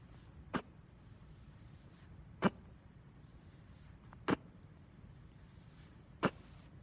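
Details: Lionhead rabbit: four short, sharp sneezes about two seconds apart over a quiet background; repeated sneezing.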